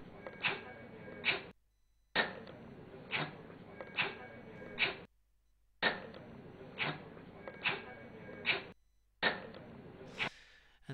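A dog gives about a dozen short, harsh coughs in a steady rhythm, one with each breath out: expiratory cough from intrathoracic tracheal collapse.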